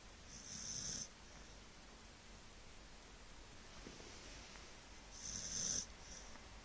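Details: Staffordshire bull terrier dog asleep, snoring: two whistling, snorting breaths about five seconds apart over steady room noise.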